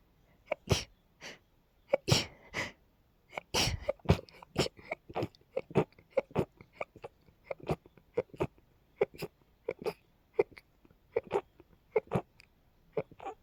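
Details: Female with pollen allergy symptoms: rapid run of many short, sharp, high-pitched sneezes, a few each second, with brief catches of breath between bursts; sneezing fit.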